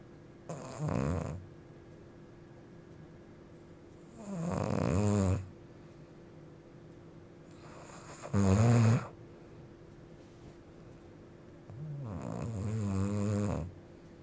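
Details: Visiting friend's loud snoring keeping the recorder awake: rough, rattling snores on inspiration, about four in 14 seconds with quiet gaps between; heavy snoring.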